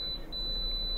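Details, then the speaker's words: Apex locator during root canal treatment, palatal canal with estimated working length about 18 mm: a high steady electronic tone with a brief break as the file is pushed and pulled to the 0.0 reading at the apex. "it you want to show on the screen please martha so you can hear it i don't even look at the readout we pull it we push it we're going to make it there at zero zero very good"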